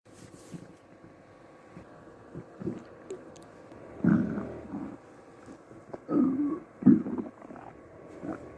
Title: Empty Stomach Noises